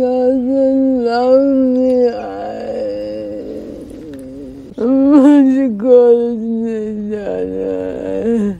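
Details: Acted portrayal by an actress of a young woman with cerebral palsy; dysarthria (cerebral palsy), acted.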